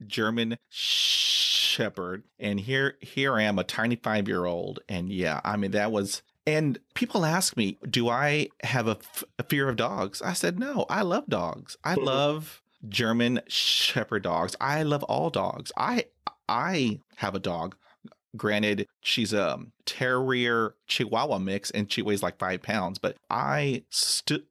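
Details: Adult man who has stuttered for 43 years; he attributes its onset to a dog attack at age five; he has blocks and long blocks; stuttering.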